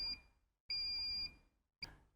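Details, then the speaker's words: High-pitched electronic beeps repeating in short and longer bursts: the audible fault warning of a Mercury Advance SMARTcare pressure-relief mattress pump, given with the warning lights. "the user will be indicated via an audible visual warning system audibly the pump will make a continuous beeping sound"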